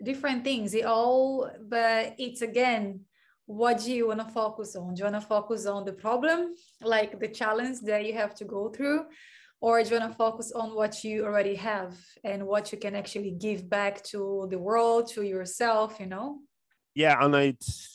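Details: Adult woman speaking; typical speech.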